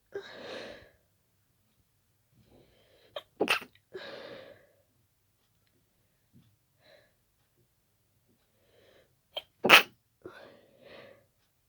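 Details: Sudden sneezing attack after an hour of itchy nose, sneezes growing faster until the nose was stuffy: two explosive sneezes, each after a quick indrawn breath, quiet between.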